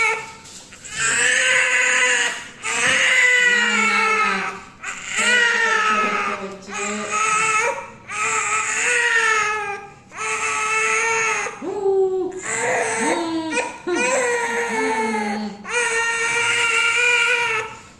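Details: A 3-month-old baby with cough and fever and a cannula cries in long, strong bursts of about two seconds, separated by brief gasping breaths.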